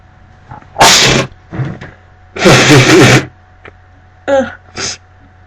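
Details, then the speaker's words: Two loud, forceful sneezes with short breaths between, in a quiet room with faint hum, from a person very allergic to cats, with a cat present while reading aloud; allergic sneezing. "Oh, and I'm very allergic to cats. It's actually my mom's cat, but I'm looking after him."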